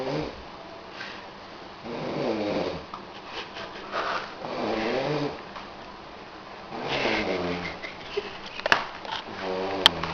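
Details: Adult man (stepdad) snoring during sleep: repeated rattling snores, several breaths in ten seconds, with a few sharp clicks near the end.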